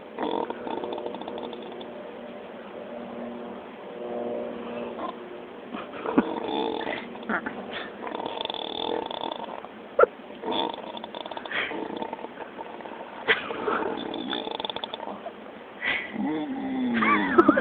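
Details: Continuous snuffling, snoring and small grunting vocalizations with occasional clicks and rustling from a sleeping pig, seemingly dreaming like a dog chasing squirrels.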